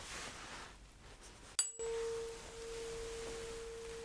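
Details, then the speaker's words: Role-played ASMR cranial nerve exam, Weber hearing test: a sharp strike, then a steady pure ringing tone fading slowly from a tuning fork placed on the top of the head. "So you will have to tell me when the sound is gone. You can't hear it anymore. Just let me know when it fades away."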